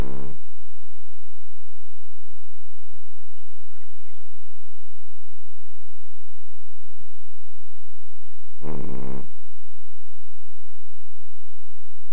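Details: Sleeping pet snoring: two loud, low, rasping snores about nine seconds apart, with quiet breathing between.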